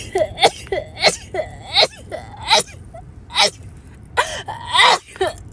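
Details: Adult woman with a painful nose who says she urgently needs to sneeze: a rapid run of about six to seven quick sneezes, each with a short sharp intake and explosive release; repeated sneezing.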